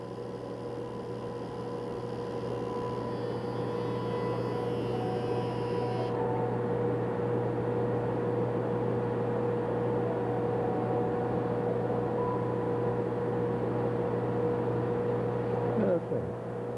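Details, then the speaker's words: Excimer laser (Summit Apex Plus) running during real-time LASIK, suction vacuum at 680, 9.3 entered, patient told to hold still: a steady mechanical buzz and hum with a faint tone, ending in a brief clatter. "you can hear a buzzing noise hold real still for me"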